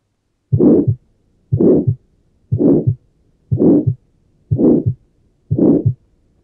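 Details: Tetralogy of Fallot, pulmonary focus: regular heartbeat near 60 a minute with a crescendo-decrescendo ejection systolic murmur and a single S2 from aortic closure; the pulmonary component is inaudible because of low pulmonary artery pressure. Ejection systolic murmur with single S2.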